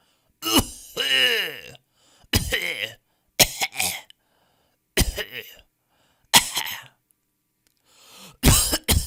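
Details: Audio resource of people coughing in different styles: six separate coughs, some harsh and voiced, some throat-clearing, with silence between them.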